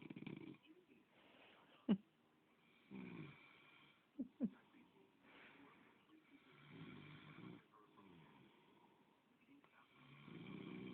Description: My girl swear I be snoring. Talking shit while catching me